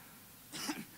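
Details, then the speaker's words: One short, dry cough from an adult preacher during a sermon, who says it is from talking too much, against quiet room noise; cough. "Saya batuk karena kebanyakan ngomong saudara tapi hari-hari ini orang tuh lebih takut sama suara batuk daripada suara kuntilanak"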